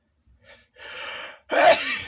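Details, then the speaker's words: A Japanese comedian performing an exaggerated sneeze: short catching breaths build up, then one loud, explosive sneeze. "皆さん、こんにちは。これから命がけでくしゃみをやろうと思います。"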